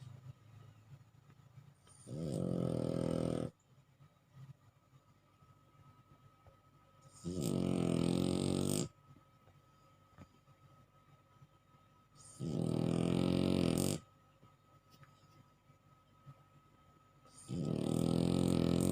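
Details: Sleeping bulldog snoring: loud rattling snores, four in about 19 seconds, roughly 13 breaths a minute.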